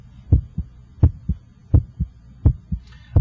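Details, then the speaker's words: Normal heart sounds at the apex, heard with an electronic stethoscope and timed against the radial pulse: regular paired S1 and S2 near 85 a minute, with the first sound louder than the second. "I can hear your first heart sound and I can hear the second heart sound. The first heart sound should have a louder quality in this apical position."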